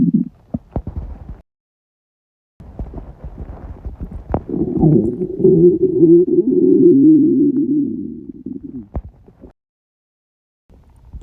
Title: 48 hour fast stomach rumbles